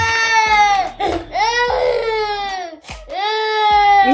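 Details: 4-year-old boy crying while being made to clean his messy room before bed: loud, sustained wailing broken by gasping breaths; ordinary upset crying, normal toddler behavior.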